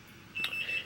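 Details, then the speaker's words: IV infusion pump alarm, a short high-pitched beep in a quiet hospital room, set off by arm movement in a woman the day after her third C-section at 37 weeks; it keeps beeping until the nurse checks. "like I said everything if I move my arm too much it starts beeping and it only turns off when she comes in to check"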